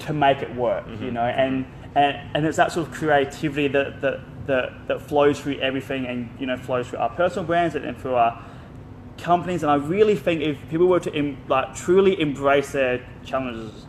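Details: Adult male with stuttering including blocks; he left school around age 16 because of his speech.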